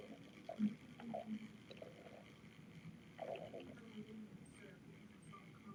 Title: stomach growling